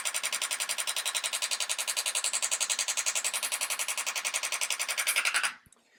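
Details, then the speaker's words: Radial shockwave therapy device (Storz MP50 handheld applicator) treating a heel with ultrasound gel for plantar fasciitis/fasciopathy: rapid, loud, regular clacking pulses, about 11 per second, stopping abruptly after about five seconds. "I'll demo the unit quickly just so you hear the sound and see the application, but I won't talk during that because it'd be very difficult to hear anything."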